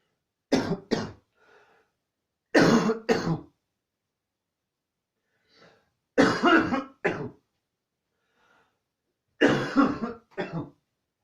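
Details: Repeated harsh coughs in paired bursts, about eight over eleven seconds, with faint breaths between; a prolonged coughing fit.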